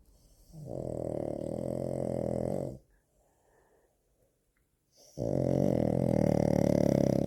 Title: snoring pug (frug)